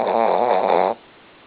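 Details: A male bear, worn out and sleeping after surgery: a single rough, rattling snore on a breath lasting about a second, then quiet.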